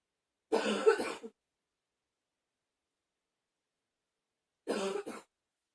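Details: Repeated coughing with pained "ow" sounds around it: two separate bursts of harsh, dry-sounding coughing with silence between them.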